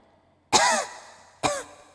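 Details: A female VTuber coughing during a live stream after saying she forgot to bring a drink.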